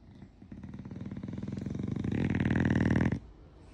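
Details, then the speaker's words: Loud, rattling, buzzing snore growing louder over a few seconds from a sleeping French bulldog puppy lying on a pillow in the morning; typical noisy flat-faced dog snoring. "Вот такой храпон. Вот. Вот подушка. Я спала рядом с ним, он вот так вот мне храпит на ухо."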